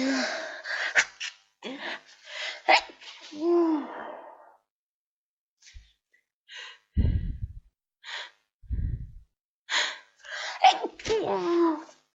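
Gasping build-up breaths followed by several forceful, wet sneezes, heard during a head cold.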